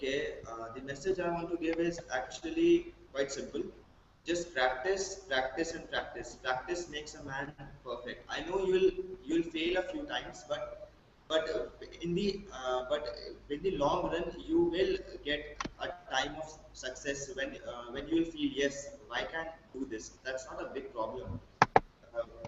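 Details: Male college student who has stammered since about class one, possibly triggered by frequent childhood hospitalization; blocks, especially on his own name, reduced with practice; stuttering.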